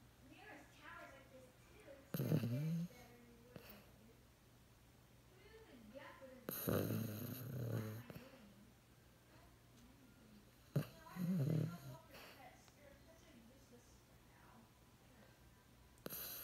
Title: Snoring rat terrier like a human~^^